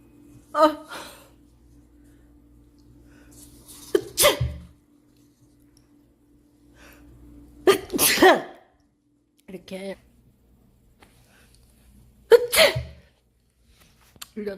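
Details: Person who says their nose runs constantly, three forceful sneezes, each with a sharp intake of breath before the burst, quiet pauses between, faint room hum; sneezing.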